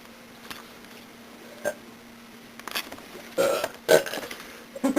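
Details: Woman burping: several short burps of rising strength in a quiet room, the last ones loud and voiced; ordinary belching.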